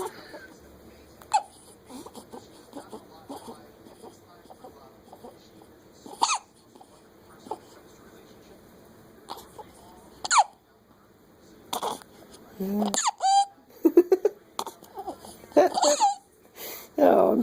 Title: Squeak toy baby hiccups